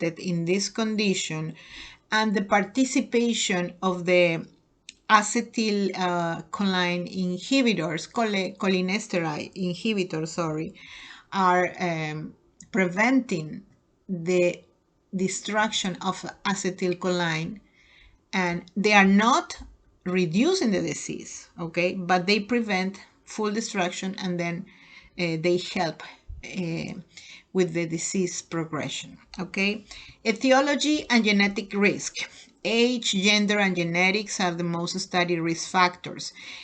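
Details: Adult lecturer; ordinary speech.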